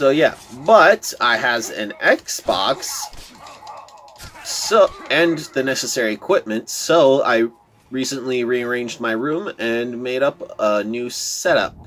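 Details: Stuttering in a male speaker who says he stutters a lot; word repetitions are heard in this stretch.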